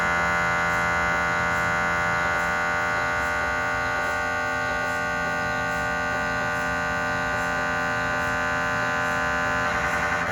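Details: Cardiac MRI on a GE 3T scanner with an 8-channel cardiac coil and test phantoms, filmed in the MRI room: loud steady buzzing hum with rapid regular pulsing gradient noise.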